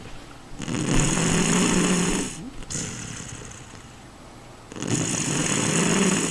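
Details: Person snoring loudly while asleep with rough, rattling snores on long breaths and quieter out-breaths between; ordinary heavy snoring.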